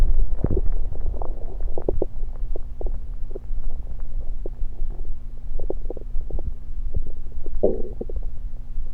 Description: Today's video I recorded my stomach while gulping down some Diet Pepsi.